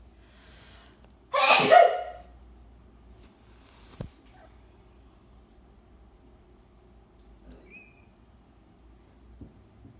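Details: Single sudden, forceful sneeze from an adult woman in a quiet indoor room, followed by faint high kitten mews.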